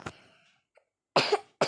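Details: Cough: one short cough, then two sharp coughs in a quiet room, from a child who says she has a cough while narrating a Brookhaven game.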